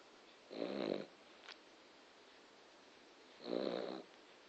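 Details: Dog described as a loud snorer, sleeping: two soft, buzzing snores about three seconds apart in a quiet room, ordinary snoring.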